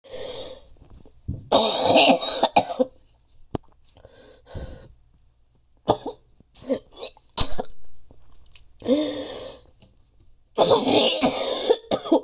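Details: Repeated loud, harsh coughing fits with retching and gagging between bursts at the start; the patient says doctors diagnosed bronchitis, then acute bronchitis.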